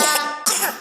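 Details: A young nephew gives two quick, harsh cough bursts in close succession; a child's cough.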